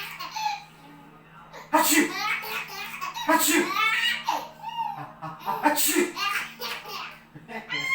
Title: Baby Son loves seeing dads fake sneeze